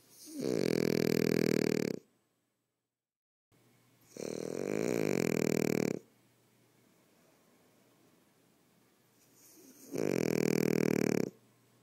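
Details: Loud snoring: three drawn-out rattling snores of about two seconds each, with quiet pauses between them.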